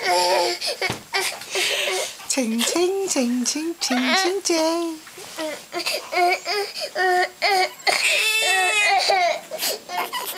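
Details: Infant crying with whimpers and rising, wavering cries, mixed with adult talk in a small room.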